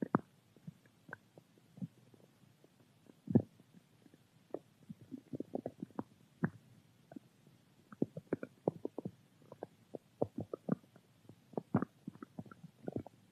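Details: Irregular gurgles, pops and low rumbles from the belly, recorded while drinking juice; stomach rumbling (borborygmi).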